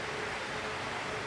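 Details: Sanity double electric breast pump (older model with massage and suction modes and adjustable intensity) running, giving a steady rushing, hissing machine noise.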